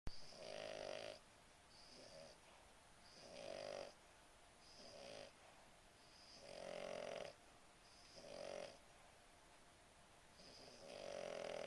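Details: Puggle dog snoring loudly during a Saturday afternoon nap; snoring.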